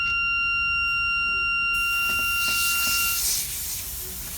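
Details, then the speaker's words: Oxygen blender alarm while setting up infant nasal bubble CPAP in a special care nursery: steady high-pitched tone, then a loud rush of gas as it stops, triggered by unequal pressures when only 50 psi air was connected before 50 psi oxygen. "that alarm you just heard was the blender, and it's due to a difference in the pressures."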